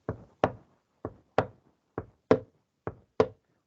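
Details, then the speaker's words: Imitation of normal first and second heart sounds (lub-dub, "tum-tac"), made with paired knocks on a clipboard at about 67 a minute; both sounds represent valve closure. "E note assim, o coração não bate tum, tum, tum, tum. É tum-tac. Seria assim, ó. Estou batendo em cima de uma prancheta,"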